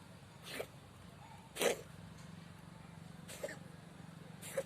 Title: Cat 🐈 sneezing 🤧